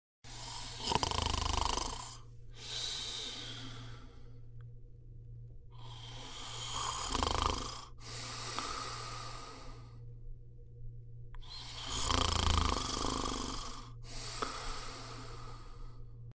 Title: Anti Ronflement - écarteur Nasal